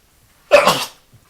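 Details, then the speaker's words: A single sudden, explosive, hissy, voiced adult sneeze lasting about half a second, with quiet before and after. "that for a video i do these in one take so you hear the sneezes you hear the dogs mark the background and everything else i don't have a lot of fancy equipment where i just cut out that sneeze"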